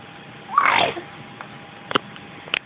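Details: An infant gives a single short, voiced cough-like burst while his grandfather talks to him, followed by faint clicks in a quiet room.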